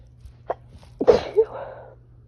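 A quick indrawn breath, then one forceful sneeze with a trailing voiced exhale; allergic sneezing fit.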